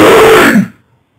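One loud, rough, grunting burst from the throat that fades quickly: a throat clear.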